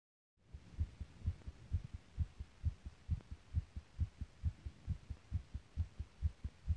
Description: This is my first recorded heartbeat so please enjoy and leaver requests in the comments.